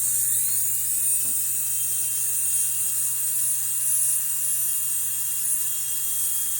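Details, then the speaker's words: Steady high-pitched whine of a high-speed dental drill with a 12 burr, tilted to cut through and remove the proximal eggshell at the start of a crown preparation; faint room noise. "So just from here, once you have your eggshell, you'll kind of tilt your burr a little bit more. That way the tip of your burr here will cut off the eggshell. So I'll just do that now."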